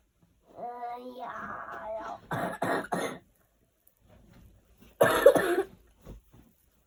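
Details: Young child with a cough lasting two months after a spring cold, not severe, with concern it could become chronic: post-infectious cough.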